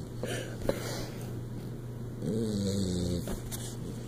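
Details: Sleeping Bluetick Coonhound snoring: a low snorting rumble with a brief whiny, tonal edge on one breath, over a steady background hum.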